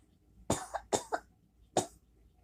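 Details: Adult coughing at 5 a.m., thinks they are getting sick; labelled whooping cough, but three harsh coughs, two of them double, with no whoop on the in-breath.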